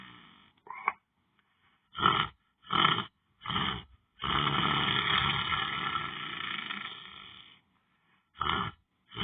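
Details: Person lying on the floor during meditation and sleep: loud, rough, raspy snores in separate bursts, with one long drawn-out snore and quiet gaps between.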